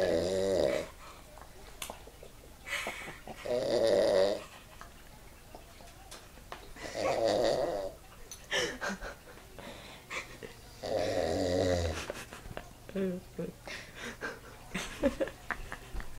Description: This is sooo hilarious! My uncle snores really loud and it sounds really funny xD comment?